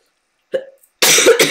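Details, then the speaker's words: Cough from an adult who feels unwell and has been coughing a lot: a soft throat sound, then two harsh, noisy cough bursts. "sorry that I sound a little funny and I was coughing a lot and but whatever"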